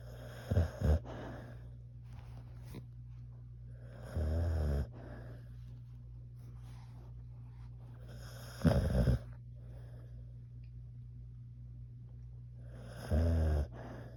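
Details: Loud, rattling snores recurring about every four seconds over a steady low room hum, said to be worse than the recorder's own snoring.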